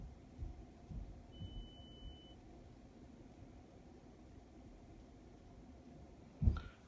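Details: Brief steady high-pitched tone over quiet room noise: middle ear analyzer (REA-36M) test tone during a manual ipsilateral acoustic reflex test on the left ear at about 3000 Hz.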